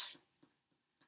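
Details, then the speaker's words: Short, high, quiet tap with almost no ring, percussing over the shoulder joint where clavicle, scapula and humerus meet; a flat percussion note over bone, nursing assessment demonstration. "so i'm on a nice bit of bone here her shoulder her shoulder joint where the clavicle and the scapula and her humerus join together and that's flat"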